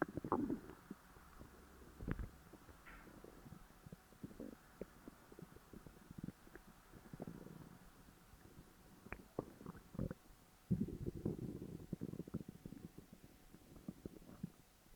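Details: Stomach growling after overeating (stuffing gone wrong): low gurgling rumbles with bubbly pops and clicks and some long rolling growls, normal bowel activity.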